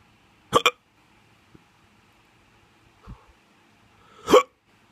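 Sharp, abrupt voiced catches, a quick double one then another a few seconds later, with a soft one between, in a quiet room: hiccups.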